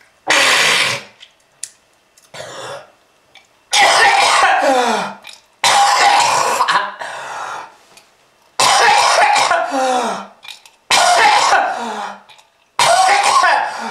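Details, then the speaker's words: Smoker's cough attributed to smoking-related lung disease, with red-coloured sputum mentioned: repeated harsh, loud coughing fits with throat clearing and rough exhalations. "if you want to step into you just keep smoking this is lung disease"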